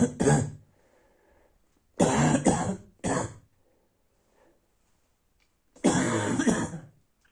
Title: Night barking cough